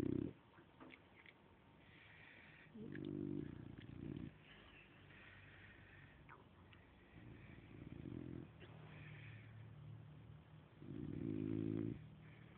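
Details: Dog snoring during sleep: soft, buzzing snores on several in-breaths with quiet breathing between.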